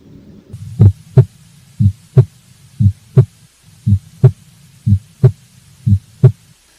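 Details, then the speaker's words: Normal heart sounds on auscultation: a steady lub-dub at about 60 beats a minute, with crisp S1 and S2 differing in sharpness and no murmur. "now let's hear these sounds the first one is s1 and the second one is s2 you can appreciate the difference between the sharpness of these two"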